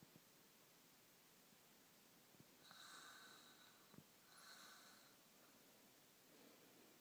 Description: snoring